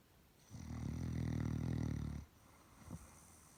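One long, low rumbling snore on an in-breath, then a faint short snort; ordinary snoring in a sleeping dog.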